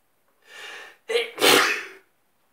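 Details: A drawn-in breath, then a single forceful, slightly wet sneeze, from a person in bed in the morning; sneeze.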